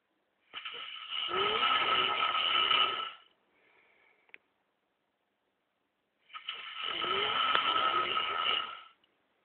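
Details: Snoring from a man who says he doesn't snore: two long, harsh, rasping inhaled snores about six seconds apart, with near silence between them.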